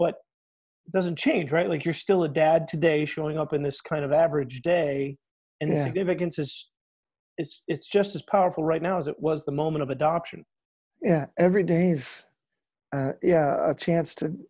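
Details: Adult male speaker in conversation; ordinary speech.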